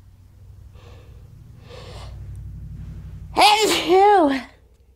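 Quiet breathy intakes build up, then one loud voiced sneeze burst with a trailing vocal release; a single sneeze.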